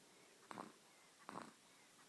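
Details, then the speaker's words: Sleeping 7-week-old (nearly 8 weeks) baby girl, asleep about four minutes, snoring: two short, soft snorting breaths about three-quarters of a second apart in a quiet room; infant sleep snoring. "aurora is snoring it's your face yeah definitely our father's daughter that's what i could say she's just chilling snowing"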